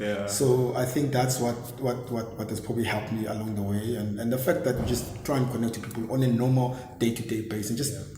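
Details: Stuttering in an adult man with word repetitions heard; he says he stammers and speaks very fast, sometimes missing words; stuttering.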